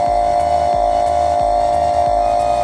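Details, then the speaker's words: Portable nebulizer compressor switched on in a demonstration of cystic fibrosis lung treatment: steady loud mechanical hum with a rhythmic pulse about three times a second. "You guys are probably going to crack up on this, but you may not be able to hear me so well, but I'm going to turn this nebulizer on right now."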